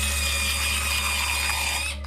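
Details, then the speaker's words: Continuous high-pitched whine of a dental drill over a low steady hum, drilling into a tooth during a root canal. "now if you've never seen one done before brace yourself because this is a root canal they drill into your tooth"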